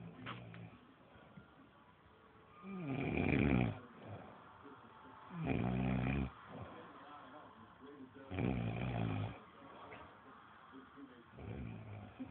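Loud, rough snores repeat about every two and a half seconds, roughly 23 a minute, with quieter breathing between them. Ordinary snoring.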